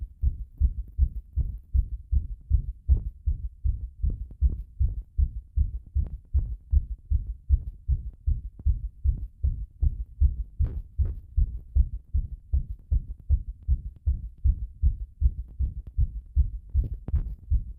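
Steady, regular heartbeat heard through the chest at roughly 80 beats a minute, recorded after bathing.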